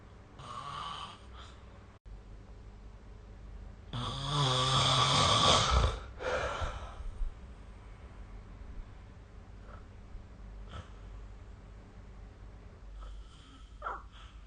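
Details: Snoring recorded with the SnoreLab app: one loud, rough snore with a fluttering rattle on the breath in, then quieter breathing and faint snorts in a still room.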